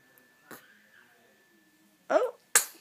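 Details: Infant girl awake, moving hands and feet, before a diaper change: quiet room, then a short inhaled catch and a sharp burst of air, a small infant sneeze.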